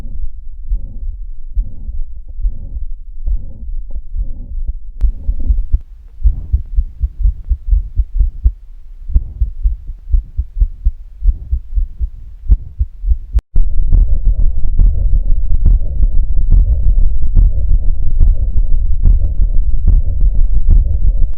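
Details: Heart recording made with the Stethophone app: rapid regular heartbeats with a whooshing murmur filling the gap between beats, a systolic murmur, a marker of a range of cardiac pathologies.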